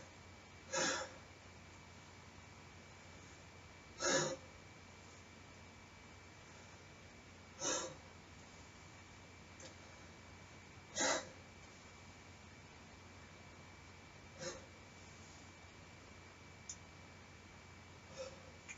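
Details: Family nurse practitioner student's physical exam of a male patient, lung auscultation: five or six deep, brief mouth breaths about every 3.5 seconds in a quiet room, even and unlabored, normal breathing.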